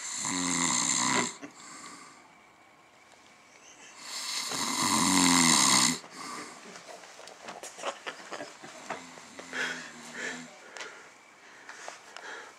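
Two loud, harsh, rasping snores with a quieter one later, over background room noise; snoring in a sleeping adult.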